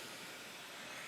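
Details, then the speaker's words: Steady, loud rushing hiss of Airvo high-flow nasal cannula airflow at 60 litres a minute, no added oxygen, heard on a wearer breathing during a nursing demonstration. "Right now, as you can hear me breathing, there's a lot of flow, and this flow helps to provide a dynamic pressure to help stabilize the airways open."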